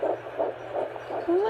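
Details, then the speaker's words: Home Doppler at 9 weeks 3 days of pregnancy, found by the father: rapid rhythmic whooshing fetal heartbeat, about 160 per minute. "it just gives you that reassurance um knowing that you can hear that heartbeat and that your baby's okay"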